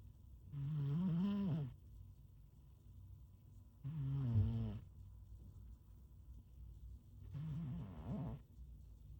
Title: Cat snoring😴 #cat #cute